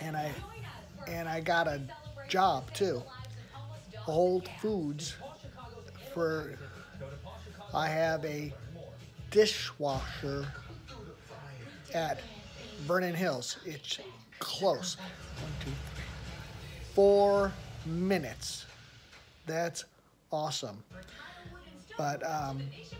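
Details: Non-fluent, agrammatic aphasia in an adult who attended a rehabilitation research program about a year earlier and reports improvement with practice.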